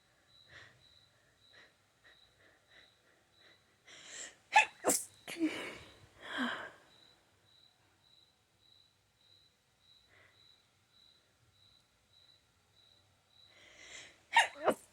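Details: Allergic sneezing: a run of forceful sneezes with sharp intakes before them, then a final sneeze, over a faint steady background tone.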